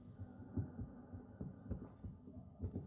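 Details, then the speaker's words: Muffled, low rhythmic thumps over a steady whooshing rumble and gurgling: the mother's heartbeat and breathing as heard by a fetus inside the womb; intrauterine sounds. "what you're listening to is the sound of the baby here is in the womb all the time 24 hours a day heartbeat breathing"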